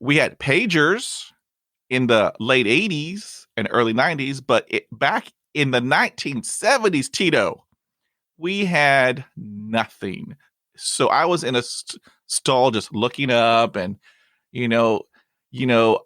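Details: 51-year-old man who stutters, with childhood speech therapy in the late 1970s and fear of stuttering that controlled 35 years of his life; stuttering.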